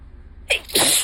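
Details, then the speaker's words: A quick indrawn breath followed by a sharp, hissing sneeze burst, one of several in a row, from a person with ongoing allergies the day after a bad allergy day; allergic sneeze. "And I have to sneeze. Oh, fuck. I'm gonna sneeze again. And again."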